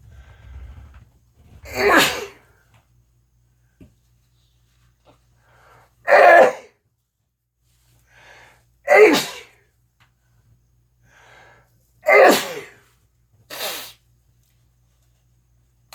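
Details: Five loud, explosive sneezes a few seconds apart in a quiet room; a repeated sneezing fit.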